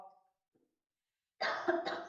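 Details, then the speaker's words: A speaker pauses a talk to cough, then says they will drink something: cough. "I'm coughing for a second let's drink something"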